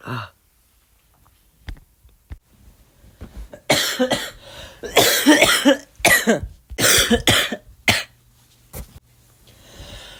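Run of about six harsh, loud coughs in quick succession after some quieter breaths; coughing during flu.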